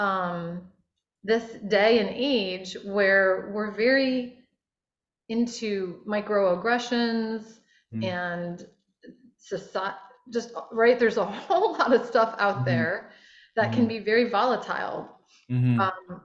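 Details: Adult woman speaking; normal speech.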